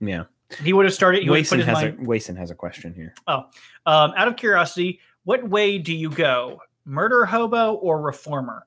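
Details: Adult speaker; normal conversational speech.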